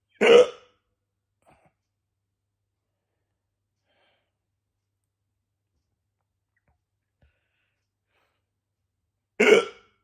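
Two abrupt, loud voiced hiccups about nine seconds apart, with silence between them.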